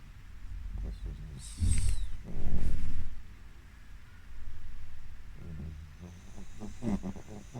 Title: Pug Power Nap and Snores